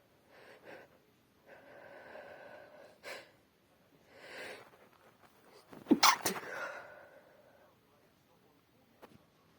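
A few wet, explosive sneezes with sharp intakes of breath and sniffing, one loud sneeze burst in the middle; ordinary sneezing.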